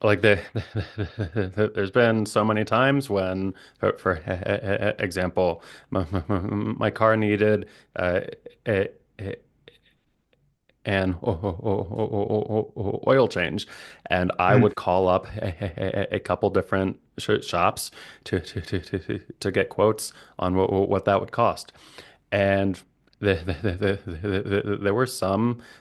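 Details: Stuttering with repetitions and blocks in an adult male speech-language pathologist who stutters.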